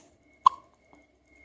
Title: Hiccups and yawns